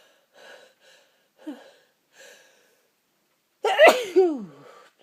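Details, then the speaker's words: Person with a tickling nose: soft sniffing breaths, then one loud, sharp sneeze with a falling voiced tail; a single ordinary sneeze. "my nose is tickling and tickling and tickling oh I've got to sneeze one more time"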